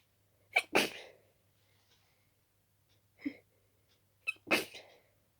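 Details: Several quick, wet, stuffy sneezes in close succession, some stifled, from a person with a very itchy nose and strong dust allergy; allergic sneezing fit.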